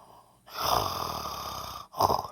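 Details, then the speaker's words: Adult undergoing radiation treatment, airway inflammation after prior stent removal: long forced inspiration with faint whistling musical edge, then a short second inhalation; slight inspiratory wheeze. "now listen, I'm pushing that, but when I breathe in, you can hear a slight wheeze. Little wheeze."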